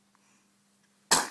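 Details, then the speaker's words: Baby sneezing while being filmed: after near silence with a faint steady hum, a single short, sharp, hissing sneeze. "you it was you how much darn sneezes yeah I love you I love you and I miss you miss you"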